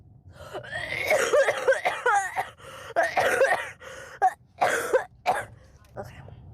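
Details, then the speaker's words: Adult woman, who apologizes that her cough may be disrupting others, coughing repeatedly with throat clearing, several bursts with voiced, tonal sounds between; cough. "Is my cough uh disrupting you? I'm sorry."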